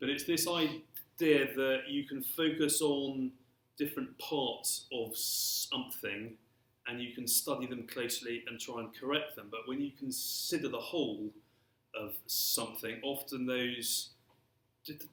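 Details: Adult male who has stammered since early childhood and throughout his career; stuttering.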